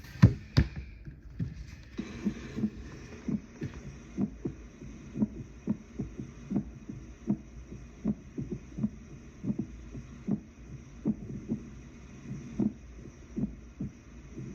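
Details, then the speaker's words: Atrial fibrillation as heard through a stethoscope on a patient, in a nursing teaching demo: heart sounds at uneven, shifting intervals, about 90 per minute, an irregularly irregular rhythm. "So that, if you can hear it, it has an extra, you can hear the fibrillation, you can hear the inconsistency. So that's what it sounds like."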